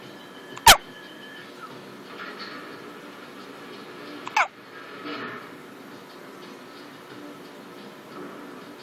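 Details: Person falling asleep with hiccups: two sudden, sharp hiccups a few seconds apart against quiet background noise.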